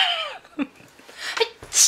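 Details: Sneeze by a K-pop idol: a voiced 'ah' build-up followed by a sharp, breathy sneeze burst.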